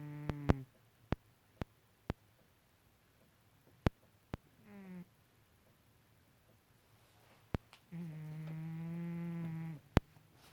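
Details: Loud cat snoring during sleep, with long droning breaths between quiet pauses and scattered sharp clicks.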